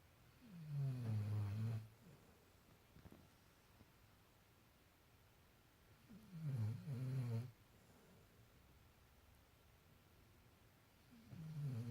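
Three long, low rumbling snores, about 10 a minute, with quiet pauses between them: a sleeping puppy snoring.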